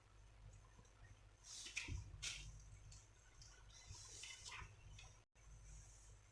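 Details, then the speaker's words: Normal bowel sounds, 12 per minute, auscultated on an adult woman's non-distended abdomen during a head-to-toe physical exam: soft, irregular gurgles and squishy liquid clicks over a low steady hum. "Ibu Suara bising usus minggu itu 12 kali permenit itu termasuk dalam kategori normal"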